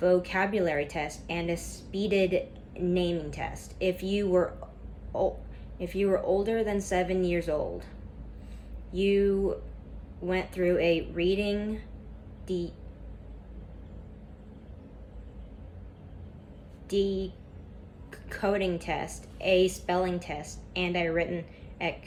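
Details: Stuttering in a speaker reading a class PowerPoint presentation aloud; the speaker describes a lot of tension at first that eases as the reading goes on.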